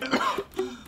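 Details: Acted cough in a cough syrup advertisement: one or two quick throaty bursts in a small room; simulated cough.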